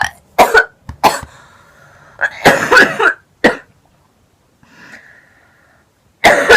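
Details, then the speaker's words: Repeated harsh coughing bouts with throat clearing, about seven bursts with pauses, from a girl with a lingering cold while smoking. "I almost just coughed into the bowl and made it go everywhere. I have a I still have a little cold right now."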